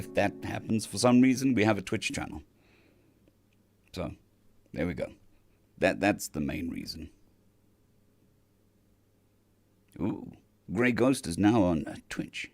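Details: Adult male recovering from vocal cord surgery, with the cords mostly healed but having lost strength and stamina, and physiotherapy currently pushing the voice; dysphonia after vocal cord surgery.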